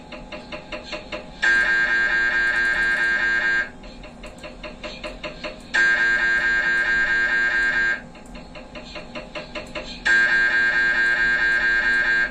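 Loud, steady buzzing tones in long blocks alternating with rapid rhythmic knocking, typical of an MRI scanner during imaging.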